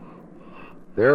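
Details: After a brief quiet moment, a young infant gives a short voiced sound with rising and falling pitch, from a 1967 recording: ordinary healthy infant vocalization.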